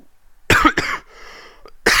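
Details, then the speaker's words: Speaker giving a recorded public-speaking workshop coughs: two sharp, loud cough bursts close together near the microphone, then quiet room noise and the start of speech; an ordinary single coughing episode. "So, do's and don'ts for the presentation issues is sorry again for the cough, probably hear it well because of my mic."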